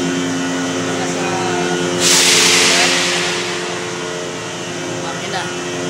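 Steady mechanical hum, then a loud rush of hissing air as the medical vacuum suction draws, easing off over a few seconds.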